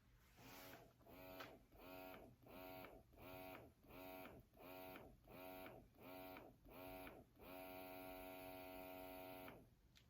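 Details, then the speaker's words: Motor hum in rhythmic pulses, about ten light sucks, then one long, strong sustained suck: the stimulation-mode cycle of a Baby Buddha breast pump. "on the stimulation mode it does ten like light sucks and then one long suck so when you hear people talk about the suction on the Buddha the suction overall is strong and good in general but this is the one that they're talking about"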